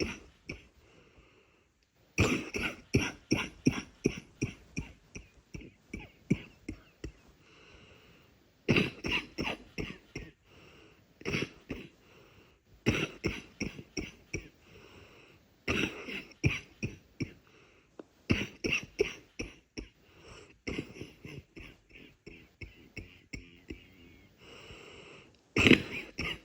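Runs of short, soft, rattly coughs come in repeated bouts, fitting a congested, wet cough.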